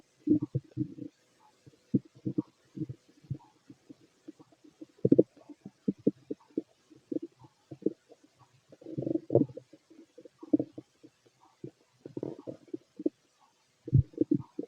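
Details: Bowel sounds (stomach growls) of a fit male heard through a stethoscope during digestion of pastry, chicken, curry, bread, milk, eggs and pasta: irregular gurgling and rumbling bursts, normal active digestion.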